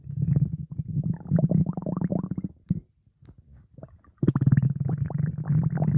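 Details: Lupi, in hospital: low, rapid bubbling and gurgling rumbles in long runs with a brief quiet gap; loud stomach growling from gas and fluid moving through the gut.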